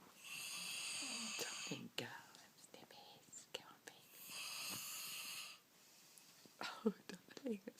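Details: Father snoring: two long, rasping, hissing snores on the in-breath, with soft whispering and small noises between them.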